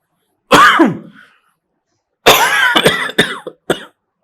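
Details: An adult acts out coughing in a promotional sketch for a cough product: one harsh voiced cough, a pause, then a run of about four short dry coughs.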